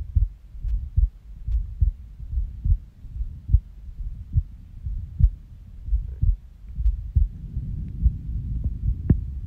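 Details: Resting heartbeat recorded right after waking from a nap, when the heart started skipping. Low, muffled thumps near 70 a minute with uneven spacing and occasional skipped or early beats; irregular heartbeat with skipped beats.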